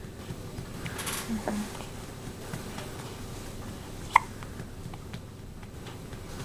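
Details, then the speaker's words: Hiccups from a tiny baby, a newborn, on his first night in hospital; infant hiccups. "Baby got the hiccups tonight. He's so tiny."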